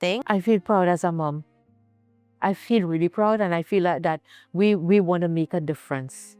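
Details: Adult woman speaking; normal speech.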